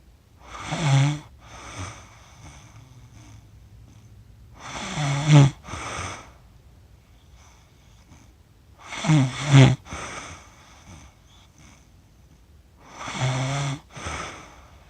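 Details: Person accidentally recorded while asleep, with a self-described funny snore: loud snorting snores in paired bursts about every four seconds, each with a rattly, fluttering edge and quiet pauses between. Finding: snoring.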